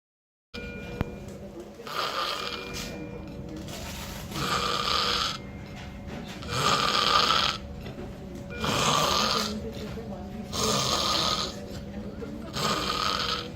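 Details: Regular harsh snores on each breath, about 8 per minute, over a steady background hum; snoring that may signal sleep apnea.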